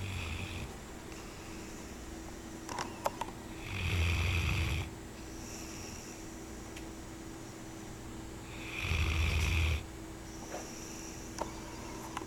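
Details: Female sleeper snoring; the owner says this is mild compared with nights she keeps them awake "chasing rabbits": loud, rattling in-breath snores, about 12 a minute, with quiet pauses and faint room hum; snoring.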